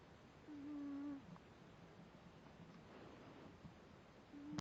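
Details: Cat snoring while lying asleep: soft, steady humming snore on each breath, next snore about four seconds later, quiet room.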